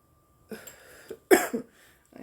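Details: Two short throaty coughs with some throat clearing in a quiet room, from an adult woman during a marijuana-smoking session.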